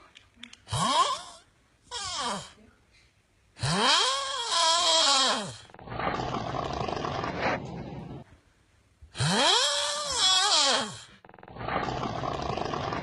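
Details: Snoring during sleep, from a compilation of funny snoring types: loud, rough, vibrating snores on breathing in, alternating with noisy hissing breaths out, about 11 per minute.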